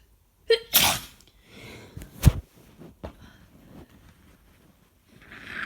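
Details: Someone with a head cold, sore throat and stuffy nose draws a sharp breath, then gives one forceful sneeze followed by quieter sniffs and breathing.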